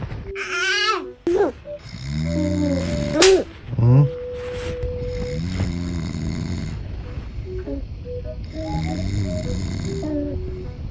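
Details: Father snoring during sleep; family urges him to wear his breathing machine.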